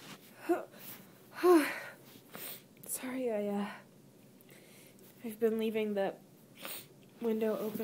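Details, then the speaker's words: Repeated wet, voiced sneezes with small gasps from a congested person who is still sick with a cold and also allergic to a tree by an open window, sneezing while reading aloud. "so i'm really sneezy and um i'm still kind of i'm still kind of sick but i actually don't get that that sneezy normally when i'm sick"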